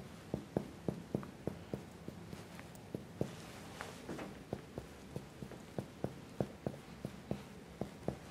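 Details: Demonstration COPD OSCE chest exam: rapid series of hollow finger taps during quick general percussion of the chest, giving a normal resonant note over the lungs.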